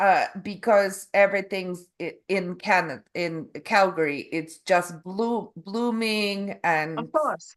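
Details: Adult Canadian woman with aphasia and apraxia of speech after a stroke in November 2023; foreign accent syndrome began after a further hospital episode in February, an accent she calls Eastern European; foreign accent syndrome with apraxia of speech.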